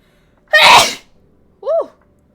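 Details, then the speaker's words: Female streamer: a single sudden, loud, explosive sneeze with a sharp hissing burst, followed by a brief vocal sound; sneeze. "sorry. I don't know that was a sudden aggressive sneeze. My bad."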